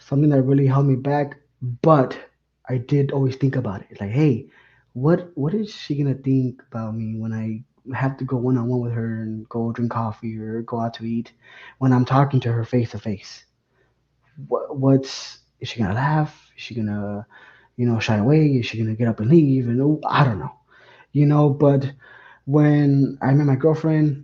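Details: Young man, a recent college graduate, who describes himself as a lifelong stutterer; stuttering.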